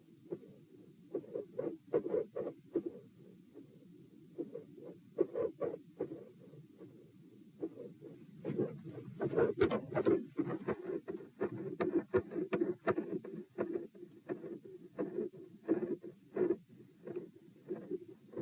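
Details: Heart sounds recorded at position P, second test, rate 90-72-96-90-102 bpm: soft, low thumps whose spacing speeds and slows in waves; pronounced respiratory phasic variation persisting despite provoking manoeuvres.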